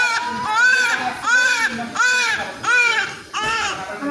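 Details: Newborn baby boy's first cry: loud, rhythmic wailing in about five cry bursts with brief pauses between; a strong, normal newborn cry.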